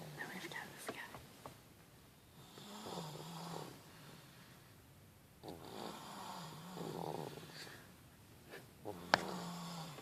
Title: Snoring babes.mp4